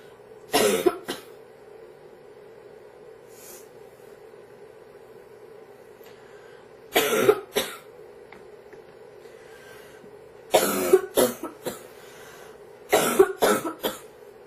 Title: Girl Coughing 401